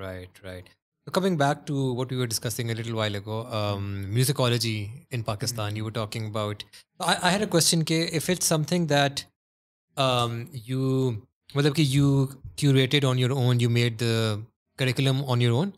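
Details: Adult man; normal speech.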